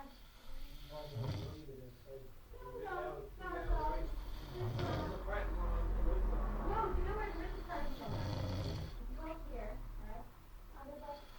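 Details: Drunk adult man snoring heavily: loud, rough, rattling snores with low snorting on each breath, irregular in rhythm.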